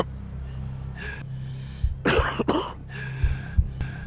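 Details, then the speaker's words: Acted, harsh, rattly adult coughing fits over a low music bed, portraying a smoker's cough in an anti-smoking advertisement. "batuk seorang perokok tidak hanya menandakan rusaknya paru-paru batuk seorang perokok adalah tanda rusaknya seluruh tubuh"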